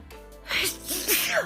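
A quick burst of harsh, voiced sneezes from an adult woman, with a faint steady tone behind.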